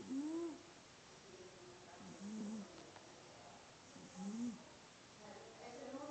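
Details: A cat makes repeated low, hooting whistles with each breath, about 30 breaths a minute; wheezing.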